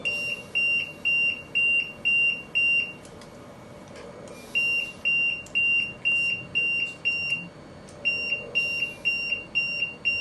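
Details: LTV 1200 ventilator alarm: loud, rapid high-pitched beeping in repeating bursts with brief pauses, about two beeps a second, with two alarms active.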